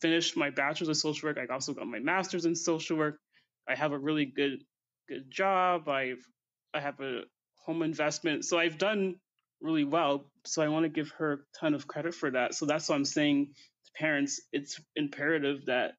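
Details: Adult woman with stuttering since early childhood, reportedly worse when nervous.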